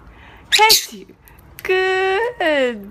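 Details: Pet bird copying a human sneeze: a short sneeze-like burst followed by whistled tones.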